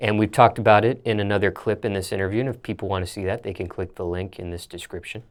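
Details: Adult male speaker; Normal speech.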